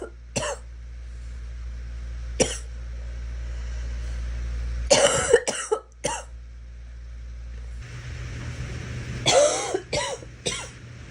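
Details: Girl coughing: short single coughs at first, then two clusters of three coughs each, with faint traffic noise behind.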